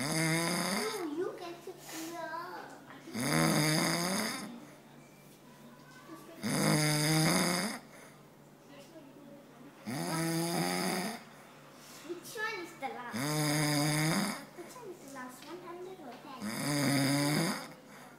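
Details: An adult man (a father) snoring loudly in sleep: rattling snores at regular intervals, about four in 18 seconds, with quieter breathing between them.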